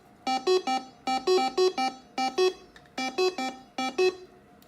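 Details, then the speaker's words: ECMO pump arterial-side bubble alarm, causing no flow and 0 RPM: repeating groups of loud two-pitch electronic tones, a high-priority alarm. "The other issue that you can have on the arterial side is a bubble alarm. That can happen, and you have to go through a series of steps."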